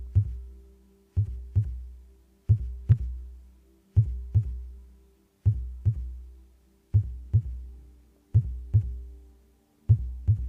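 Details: Normal heartbeat: clear paired lub-dub sounds, regular at about 75 beats a minute, with a faint steady hum behind.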